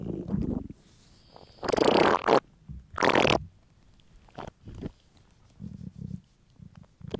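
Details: Male, hungry: low gurgling belly rumbles with several louder growling bursts; borborygmi, ordinary hunger bowel sounds.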